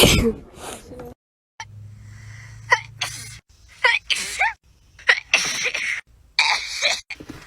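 Several abrupt, loud sneeze bursts from different people, edited together with brief gaps and a low background hum.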